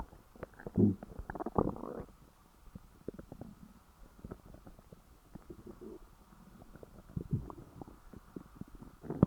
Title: After stuffing (gone wrong) stomach growls